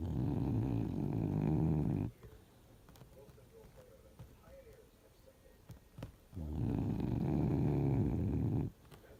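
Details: Dog named Finn sleeping, recorded 2018; two long, loud, low rumbling breaths about four seconds apart with a quiet pause: snoring.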